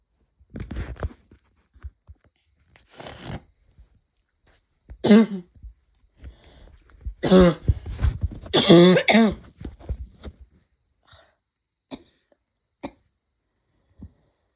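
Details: Series of harsh, barking coughs, some hoarse and voiced, from an adult with chest pain, left over after a cold; barking cough.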